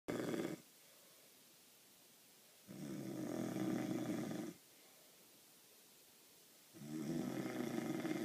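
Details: Heavy adult snoring: loud, rough, fluttering snores on each breath, about 15 a minute, with quiet pauses between.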